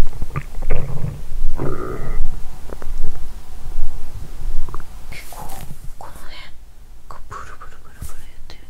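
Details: Irregular low gurgling, bubbling rumbles with some higher squeaky bursts over an adult woman's abdomen after wine and a meal following a 22-hour fast; period due, bloated: active bowel sounds (borborygmi).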